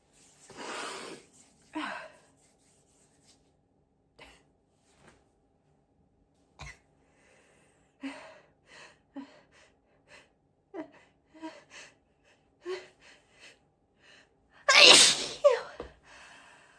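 Several high-pitched sneezes with sharp inhalations and small sniffs between them, ending in one loud explosive sneeze.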